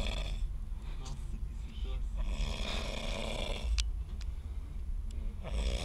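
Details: Loud, rough, low pig-like snoring from a man sleeping in a car, described as in an alcoholic coma and intoxicated, with room noise and background voices.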